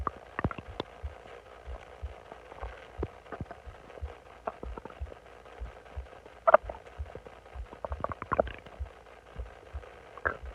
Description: During the day I got really bloated and decided to lay on my stomach and it started growing so I recorded what I could.